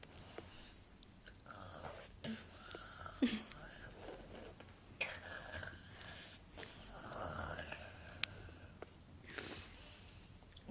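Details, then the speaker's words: Open-mouth snoring, illustrated as one type of snoring: rough, airy snoring with breath sounds through an open mouth, tone varying breath to breath. "algunos otros que roncan con la boca abierta y extrayendo toda la gama"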